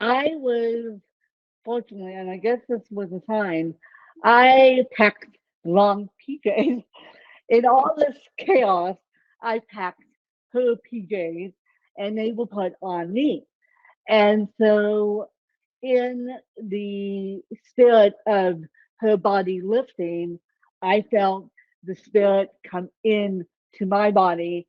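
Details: Adult woman with self-reported ataxic cerebral palsy and cerebral-palsy-related speech; ataxic dysarthria.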